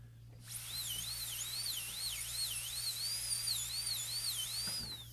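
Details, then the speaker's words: High-speed dental drill whining, pitch wavering, as a diamond burr cuts a full gold crown preparation on a model tooth, axial wall reduction leaned toward the axis; no chamfer margin yet, burr not cut in enough. "going to look down the arch like this, get a sense for where the axis is, lean the burr slightly toward the axis, and start cutting. Now I've cut a bunch already, and there's no chamfer margin at the bottom yet."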